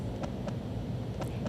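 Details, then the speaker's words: Amplified heartbeat from a special shirt that lets the wearer hear their own heart: paired soft thumps at roughly 60 a minute under a heavy low rumble, a normal heartbeat. "my heartbeat pdware gives youth this special coated shirt so they can see and hear their heart beating showing just how valuable life is"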